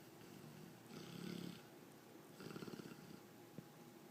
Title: Dallas Dog Snoring and dreaming